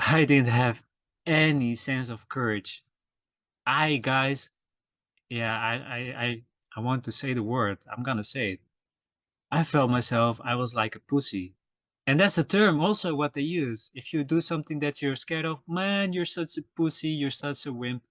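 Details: Adult male podcast host who says he stutters and that it can be heard in his episodes; stuttering.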